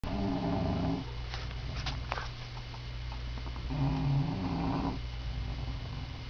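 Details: A bulldog sleeping under a desk, later woken up: low, rumbling snores on the breaths against steady room hum, typical of a flat-faced dog with a narrowed upper airway.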